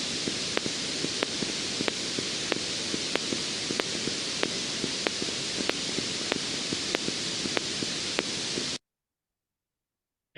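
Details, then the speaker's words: Needle EMG recording of a fibrillation potential, a spontaneous discharge from a damaged or diseased muscle fiber. "if the needle ear has damaged the muscle fiber or there's a disease damaging the muscle fiber then the needle will pick up more of the positive and a little bit of the negative field and then the action potential can't continue to propagate"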